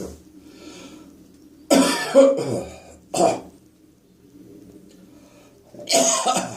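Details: Residual morning productive cough: three loud, rough bursts with a gurgling, phlegmy quality and gagging.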